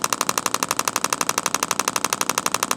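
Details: Radial shockwave therapy on a chiropractor's deltoid for shoulder pain, red tip, radial pulse mode. Rapid, steady mechanical clicking pulses, about eight per second, held on the focal spot. Patient rates discomfort a little more than 6, uncomfortable but tolerable.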